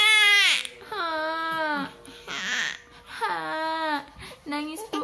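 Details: Infant crying after a bowel movement, possibly fake crying for attention: repeated strong, clear wailing bursts with brief gasping pauses between them.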